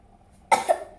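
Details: A child with cough and cold gives a single short cough: a sharp burst followed by a brief second push, in a quiet room.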